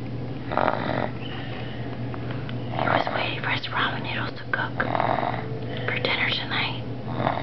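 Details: Person who fell asleep at the kitchen table before dinner, snoring: soft, rough snoring breaths over a steady household hum with background voices.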